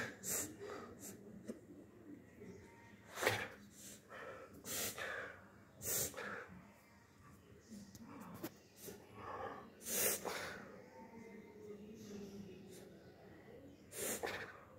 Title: reverse sneezing in a dog